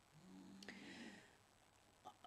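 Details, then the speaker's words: A man who is unwell snoring in the background during a story reading: one low, rattling snore-like breath, soft and distant, with a faint snort at the end; snoring. "for snoring in the background if you can hear him he's not very well"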